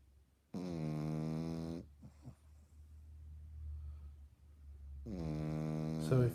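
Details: 18-week-old French bulldog puppy snoring: two loud, drawn-out rattling snores, each about a second long, with quieter breathing between; typical flat-faced dog snoring.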